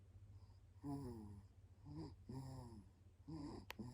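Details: A 36-day-old baby sleeping deeply on the father's belly at night. About three soft, squeaky, snorting breaths over a steady room hum: gentle infant snoring.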